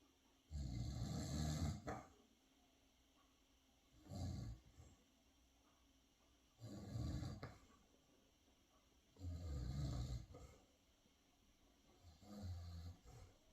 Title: Mini schnauzer Beni snores .